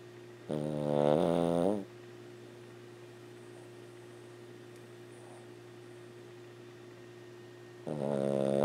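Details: 14-year-old female Lhasa Apso dog snoring loudly during sleep, after a walking dream: loud buzzing inhaled snores, one about a second long and another starting at the end, over a steady background hum.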